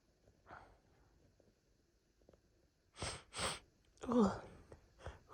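A faint catch of breath, then three or four forceful sneezes in quick succession with hitching breaths between them: a sneezing fit.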